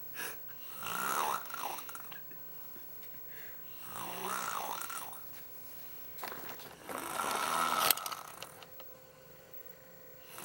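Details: Young niece asleep, snoring very loudly; irregular snores at about 19 breaths a minute, with fluttering lip-flapping on each out-breath as others flap her lips ("snoring lips"); snoring.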